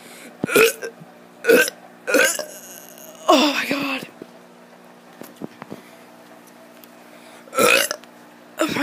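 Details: A child deliberately burps for a video: five loud, croaky belches in quick succession with quiet gaps between them.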